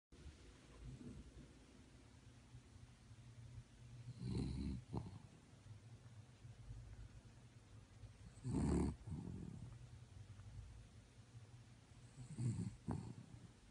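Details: Sleeping Chihuahua snoring: soft, low snoring breaths a few times over about 14 seconds against a steady background hum; ordinary snoring.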